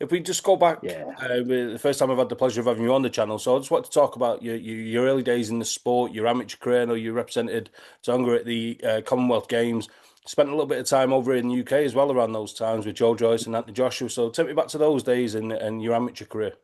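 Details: Adult male speaker; typical speech.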